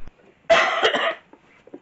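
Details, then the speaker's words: Cough heard in a museum attic, with a possible smaller second cough right after it. "did you just cough again after that uhuh you're up here okay did you hear it I I heard your cough but I thought I heard a smaller cough after you"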